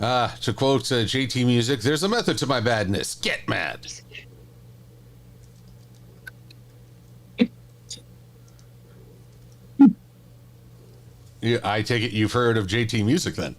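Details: Adult male speakers in casual conversation; typical speech.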